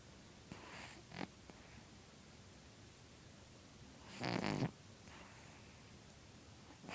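Soft, faint snuffling breaths with one louder, rough snort-like snore; quiet snoring in a sleeping cat.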